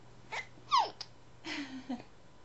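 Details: An infant girl in an activity zone has hiccups: a few brief, abrupt catches mixed with soft cooing while her mother talks to her.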